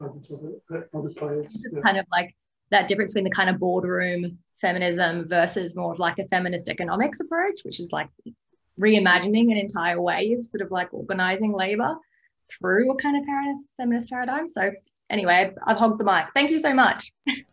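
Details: Adult woman speaking; Normal speech.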